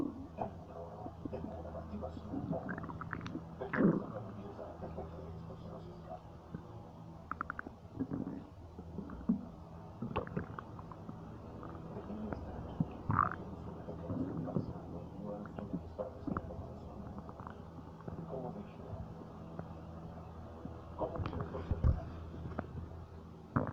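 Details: Irregular gurgling and low rumbling from the abdomen, gas and fluid moving; bowel sounds (borborygmi).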